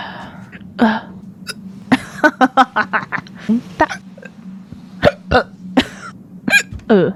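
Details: Female VTuber on a stream, hiccupping while reading aloud and sipping water: repeated short, sharp hiccups at irregular intervals over a low room hum. Ordinary hiccups.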